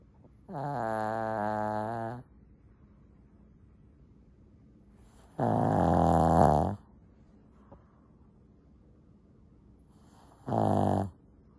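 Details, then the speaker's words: Sleeping small Shih Tzu dog snoring very loudly: rattling snores with long buzzing breaths, about three in eleven seconds, quiet room between snores. "ah how can a little doggy make so much noise"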